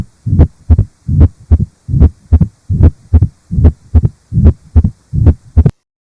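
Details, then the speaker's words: Mitral stenosis heard at the left lower sternal border: regular heart sounds around 74 a minute with a low rumbling diastolic murmur. "but for completeness sake let's just listen to this diastolic murmur at the left lower sternal border mitral stenosis"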